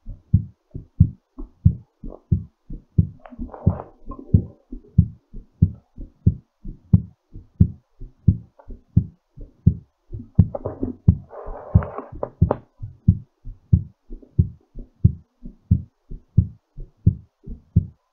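Quick, strong lub-dub heartbeats with breathing noise between some beats: a heartbeat recovering after exercise.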